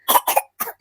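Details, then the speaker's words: Three short coughs from a young child (toddler) with a cold, cough and vomiting, among siblings who both have colds. "anak-anak kan pilek ya gak sehat gitu pilek batuk pokoknya muntah"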